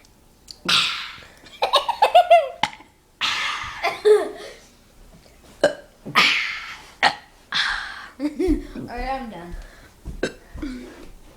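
Several voiced, gulping burps alternate with laughter and giggling. These are deliberate belching sounds.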